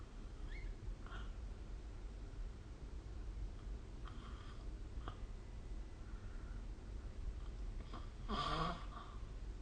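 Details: Snoring during sleep recorded with the SnoreLab app: low steady room rumble with faint breathing, then one louder, rough snorting snore near the end.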